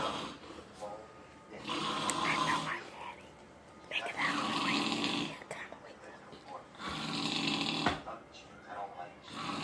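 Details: A father asleep and snoring: loud rattling snores with breathing pauses between them, about four breaths heard; ordinary heavy snoring.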